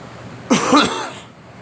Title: Me coughing